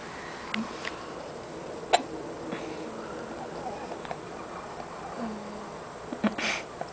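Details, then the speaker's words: Dog hiccups: soft, sudden hiccup clicks recurring a few times over quiet room noise. "Got the hiccups."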